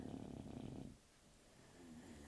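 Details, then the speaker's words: A sleeping dog gives one rumbling, fluttering snore, followed by a quiet pause as it breathes out. "this is a meditation to the sound of dog snoring"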